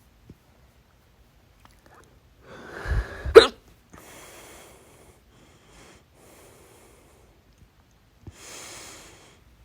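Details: Second bout of hiccups at 12:26 A.M.: one loud, sharp hiccup with a sudden catch of breath, then quiet breathing in a silent room.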